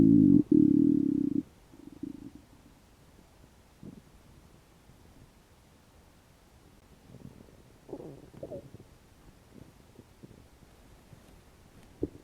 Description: i had not eaten for about 12 hours. sounds like my stomach is not okay with that....